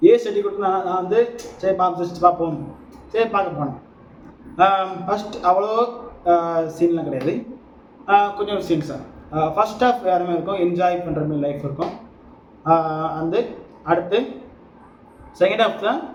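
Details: Stuttering in an adult male Tamil speaker who describes himself as a person who stammers and speaks with some stammering.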